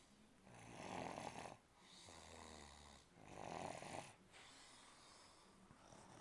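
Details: Two loud rattling snoring breaths in, each followed by a softer breath out, over about six seconds: snoring.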